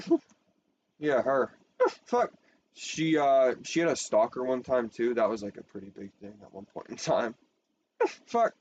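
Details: Person who says they have Tourette syndrome; frequent censored interjections likely vocal tics, possibly coprolalia, during ordinary speech: vocal tics (coprolalia) in Tourette syndrome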